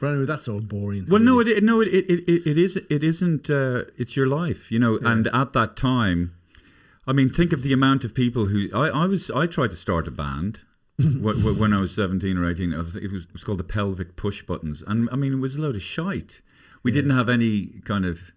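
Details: Adult man speaking; ordinary speech.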